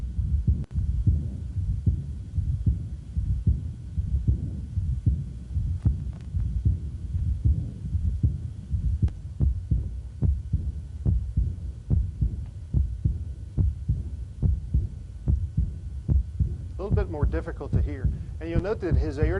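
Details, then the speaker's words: Aortic regurgitation: regular heartbeat about 75 a minute, prominent loud second sound, a mid-systolic flow murmur and a soft, hard-to-hear diastolic aortic regurgitation murmur; music near the end. "second sound is is fairly prominent your second sounds loud you hear a little bit of the systolic"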